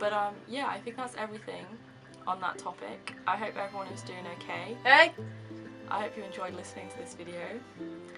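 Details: Young woman with severe Tourette syndrome, involuntary movements and noises for seven years; vocal tics including shouted words, swearing, 'hey' and laughing; vocal tic (Tourette syndrome).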